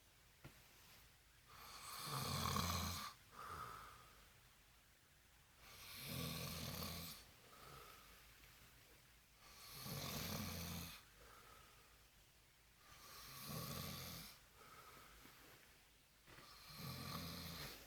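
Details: Adult boyfriend snoring while sleeping drunk: loud, rattling snores on each breath in, about 16 breaths per minute, with softer breaths out between.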